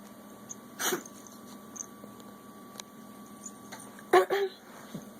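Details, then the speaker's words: A young cat gives three short, harsh bursts, one alone and then a quick pair, in a quiet room: coughing. "No more coughing."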